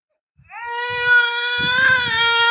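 A single sustained, high-pitched, rising wail from a baby, steady and clear-toned; an ordinary infant cry.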